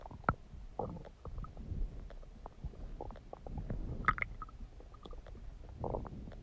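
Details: Bowel sounds (borborygmi).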